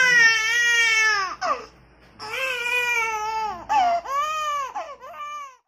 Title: Small baby crying //crying /#viral#shortvideo#shorts #smallbaby